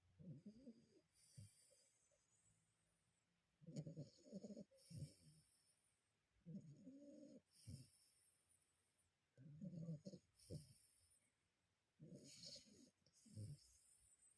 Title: snoring dogo